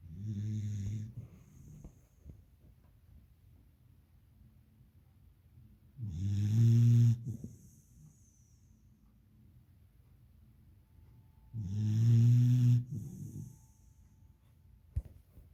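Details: Beagle puppy in deep sleep, snoring loudly: three rattling snores on slow breaths, about 11 a minute, with quiet pauses between.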